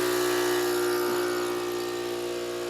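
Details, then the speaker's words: Suction machine switched on for deep nasotracheal suctioning of a man, catheter passed through the nose down the throat: steady buzzing motor hum. Suction machine running. "So I got it lubed up, and I turn on the suction."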